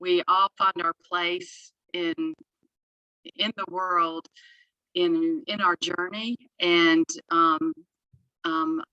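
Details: Adult woman, a speech therapist, who has stuttered since childhood; stuttering.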